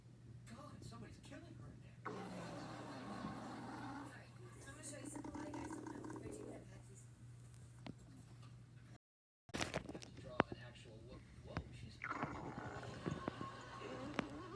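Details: Adult woman's stomach growling: low, bubbling gurgles and rumbles over a steady background hum, typical bowel sounds (borborygmi).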